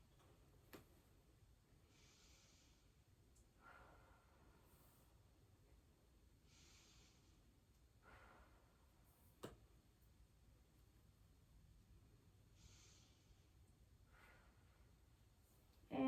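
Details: Normal breathing (deep breaths).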